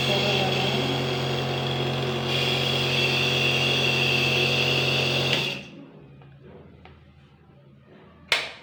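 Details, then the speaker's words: Loud steady buzzing hum of a home compressor nebulizer running for about five seconds, then stopping, leaving quiet room noise and a click, during a demonstration of setting up a nebulization kit with a child's mask. "So போட்டு இங்கே button ஒன்று இருக்கும், on off button. So on பண்ணிவிட்டு ஸ்விட்ச் போட்டுட்டா ஒரு நிமிஷம். ஸ்விட்ச் ஆன் பண்ணிட்டேன்னா"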